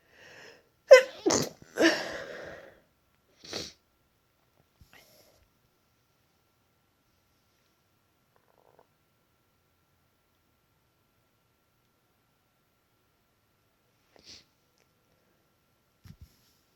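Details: Congested adult with a cold and a tickly nose, sneezing deliberately induced: a brief intake followed by a couple of sneezes in quick succession, then a faint sniff; sneezing.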